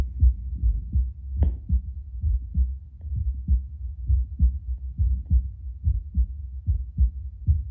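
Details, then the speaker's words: Own heartbeat about two minutes after drinking espresso, Littmann CORE Bluetooth stethoscope on speaker: regular, stronger paired heart sounds around 70–75 a minute, occasionally spiking to 80–85. "Just like listening per minute doesn't seem to have changed too much. Sounds like my heart's just beating a little bit stronger."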